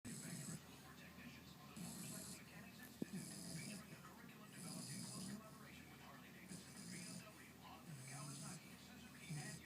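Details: Bulldog puppy snoring while asleep: a soft, raspy, steady rhythmic snort with each breath.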